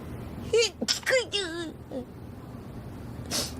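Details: Sneeze during a VTuber livestream: short rising voiced sounds as a brief build-up, then a sharp breathy burst near the end.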